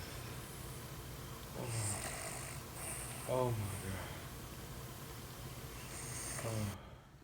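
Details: Low rattling snores on breathing in, about three in seven seconds, over room noise, played in a reaction to a how-to-stop-snoring video; ordinary snoring.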